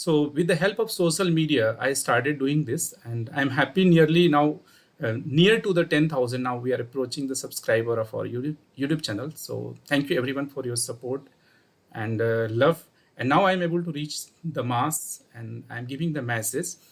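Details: Adult man speaking; ordinary speech.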